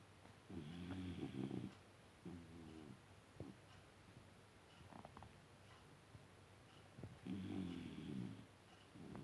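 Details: Snoring: low, buzzing snores repeating in rhythm with breathing, with quiet pauses between them.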